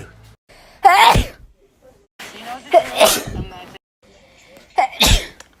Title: 2k18 sneezes